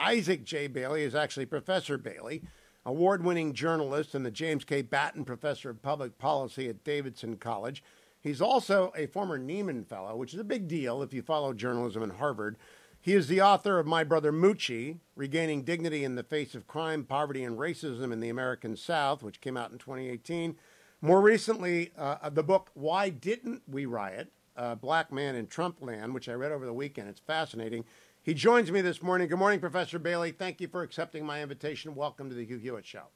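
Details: Adult male speaker; normal speech.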